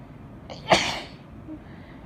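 One sneeze: a brief intake of breath, then a sharp explosive burst that fades quickly.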